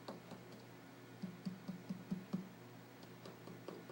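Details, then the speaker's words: Quick run of six soft finger taps on the abdomen during a basic-assessment demonstration, done after inspection and auscultation, contrasting hollow tympanic notes over the bowel with dullness. "You guys hear the difference? I was doing this last night on my husband, and right in his bowels were just like so tymphonic."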